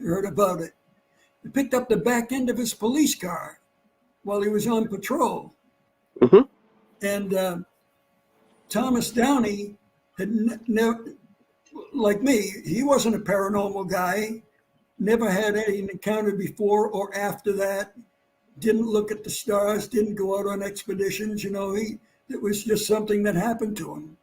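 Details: Dysphonia in an adult man after vocal cord cancer and operations; he lost his voice, it partly returned, and his voice does not carry far.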